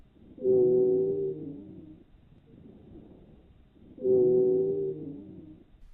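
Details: Wheezes.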